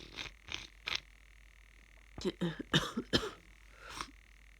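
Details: Congested sniffing and bursts of short, explosive, nasal sneezes from a person with a cold who was very snotty; sneezing.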